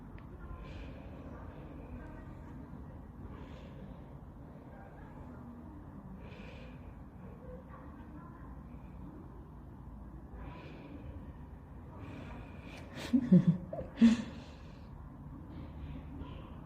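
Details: Baby's first sneeze: soft infant breathing and small vocal sounds, then a quick double sneeze near the end over steady room noise.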